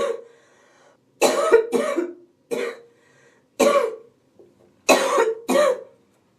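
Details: Woman sick with a cold with a relentless, wheezy, hacking cough: six harsh coughs in paired bursts with a raspy edge.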